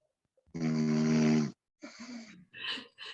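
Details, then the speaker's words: A sleeping pet snoring: a long, steady, buzzing snore, then shorter, rougher, breathy snores; ordinary snoring. "cuestión es que vamos a escuchar los ronquidos de paz a ver voy a tratar de silenciarla"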